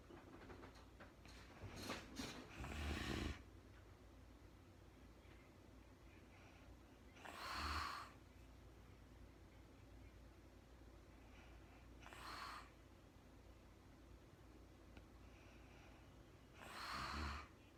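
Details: Woman recorded in real time sleeping through the night, very tired, not talking: four loud, rough snoring breaths several seconds apart, about 13 a minute, over steady low room hum; ordinary snoring during sleep.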